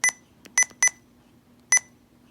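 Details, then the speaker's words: Sapphire IV infusion pump in-service training (ambulance district): four short high-pitched beeps as touchscreen keys are pressed while entering patient weight in kilos for a weight-based infusion; infusion pump keypress beeps. "if you did use a weight-based infusion that's milliliters per minute or milliliters per hour you just simply choose yes enter the patient's weight in kilos there's your range that it will allow you to go to"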